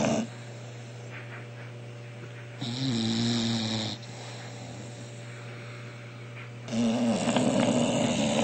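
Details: Loud, buzzing, rattling snores in long bursts with quieter breaths between them, over a steady low hum, from a sleeping bulldog; snoring.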